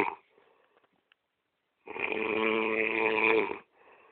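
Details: Sleeping person snoring: one long, rattling, buzzy in-breath snore after a quiet pause, with the start of another at the end; snoring.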